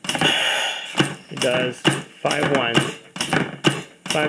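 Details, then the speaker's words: Rhythmic hissing pneumatic bursts about once a second with a puff of air between strokes: vintage oxygen-driven Brunswick HLR heart lung resuscitator giving compressions at about 65-70 a minute plus ventilation on a Laerdal Anne manikin, simulated. "so here it is folks your state of the art brunswick hlr hlrs stands for heart lung resistator"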